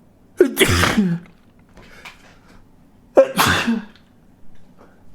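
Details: Adult's sneezes, self-induced by stimulating the nostril with a stiff paper tag: two forceful sneezes, each a sharp intake then an explosive burst, a few seconds apart in a quiet room.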